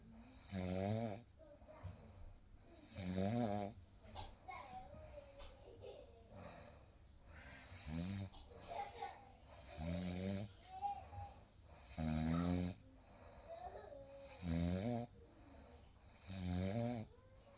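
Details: Real night recording of a baby sleeping: regular voiced snores about every two seconds, roughly 26 a minute, with faint soft sounds and room noise between them; snoring.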